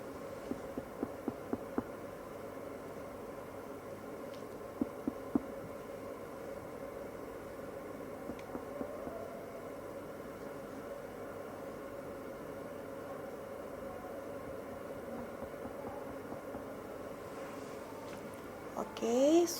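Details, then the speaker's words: Finger percussion of an adult male patient's abdomen, starting at the right lower quadrant: brief sharp taps give a hollow, drum-like tympanic note, normal finding on abdominal examination. "abdomen terdengar tim Pani"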